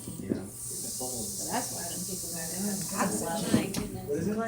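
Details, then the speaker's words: Inflated pig lung model with a hole in the visceral pleura: steady hissing of air escaping, representing a right-sided pneumothorax with collapsed lung in a person. Air leak through ruptured pleura. "person this if this was a person they would have a pneumothorax they would have a collapsed lung on the right side that visceral pleura and it just happened"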